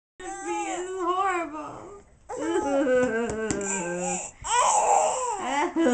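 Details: Baby girl, while her parents try to get her to talk, gives wavering, voiced crying and fussing in short bursts with brief pauses; a sneeze is reported but no clear sneeze is heard.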